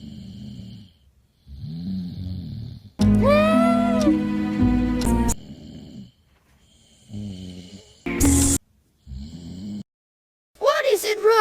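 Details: Cartoon character Symo snores loudly while asleep, waking his sister: exaggerated cartoon-style loud snores alternate with soft snores, with music playing over them; simulated snoring.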